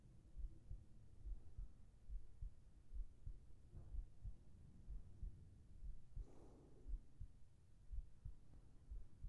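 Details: Soft, regular paired heart thumps at about 75 beats a minute with faint rustling and breath, from a heartbeat recording made for sleep and relaxation ASMR with whispering: a steady normal heartbeat.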